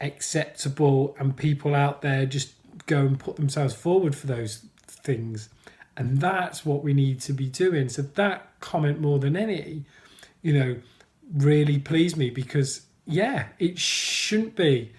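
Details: Adult man who stammers, mentioning blocking; stuttering (stammering)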